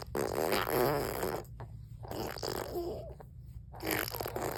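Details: An infant's deliberate fake cough: three buzzy, voiced cough-like bursts, not an illness cough.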